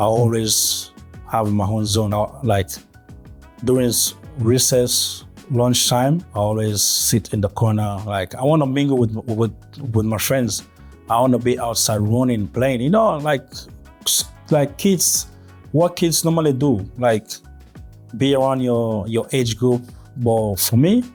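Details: Adult male with stuttering since early childhood, with blocks and gaps between words; real stuttering.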